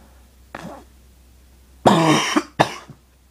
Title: cough cough